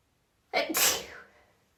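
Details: A female has a sudden sneezing fit with no apparent trigger, recorded after about five sneezes had already happened: a single sharp sneeze, a quick indrawn breath, then an explosive burst of air that fades out.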